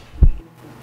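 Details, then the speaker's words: A pet dog's heartbeat heard through a stethoscope at a vet check-up: a single deep, muffled thump, one beat of the heart, described as clearly loud. "You can hear it loudly, right? Choco is a living being, just like Yuju"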